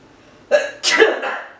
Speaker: i have a super hangover i just sneezed and you didn't even say bless you it takes like two seconds